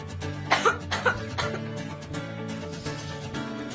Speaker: padahal sebentar lagi mau healing malah batuk dan flu